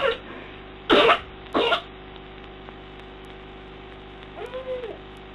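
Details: Child coughing at 5am after coughing all night, 15 minutes after 2 puffs of Ventolin: two harsh coughs over low room hum, then a faint brief whimper; nocturnal cough.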